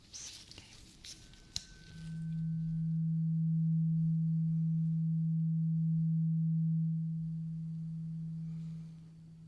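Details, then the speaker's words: Simulated ASMR role-play ear exam hearing test: a tuning fork is tapped and held while the listener keeps eyes closed and says when the sound stops. After a tap and handling noise, a low steady pure tone hums for about five seconds and fades. "So for this portion, you need to close your eyes. Okay. So I want you to Tell me when the doing fork sound stops."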